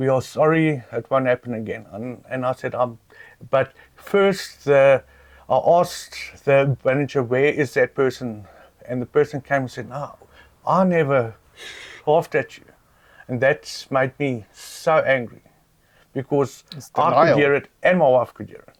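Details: South African adult man who has stuttered his whole life, reporting it worsened after being laughed at while stuttering; stuttering.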